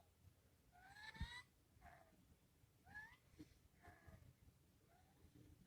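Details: Several faint high whistling tones while breathing in a quiet room: audible wheeze from a person with a fever who recently began audibly gasping and says they may need an inhaler.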